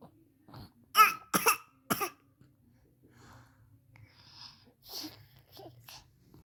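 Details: Baby boy trying to sneeze: three quick harsh bursts, then soft breathing and small vocal sounds; brief coughs or sneeze attempts.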